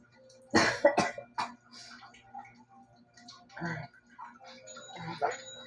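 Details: Cough with a cold: a few harsh, loose cough bursts with throat clearing in a quiet room.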